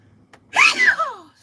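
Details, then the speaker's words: Adult's self-described "cowboy sneeze": one loud, voiced sneeze with a sharp burst and a falling, whoop-like tail like a shouted "hey-ho". "i call it a cowboy sneeze because it's like my it sounds like a cowboy hey-ho you know when i do that one"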